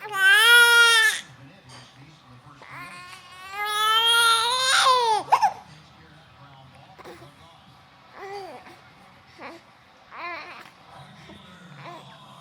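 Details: Newborn baby boy crying, upset at having hiccups: two loud, wailing infant cries followed by softer whimpers and fussing.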